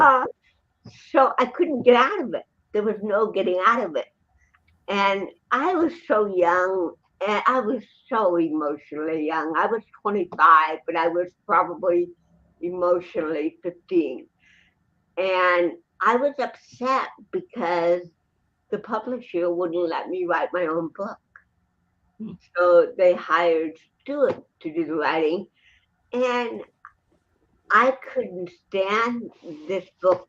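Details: Dysarthria in a woman with cerebral palsy present since birth in 1956, who also has 75% hearing loss and wears hearing aids; real, not acted, conversational speech.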